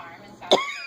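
A single abrupt cough burst from an adult woman, over quiet room noise; a real cough during an illness.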